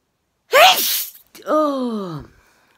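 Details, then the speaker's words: Single forceful human sneeze from a bout of intense sneezing said to lock the jaw: a sharp breathy burst followed by a voiced, falling exclamation. "oh god these sneezes oh god look look"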